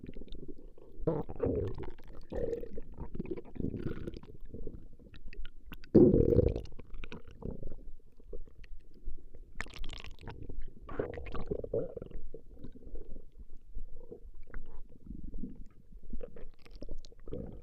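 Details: Woman's stomach growling recorded over a long session: low, irregular gurgling and rumbling with a louder squelch partway through; ordinary borborygmi from gas and fluid moving through the gut.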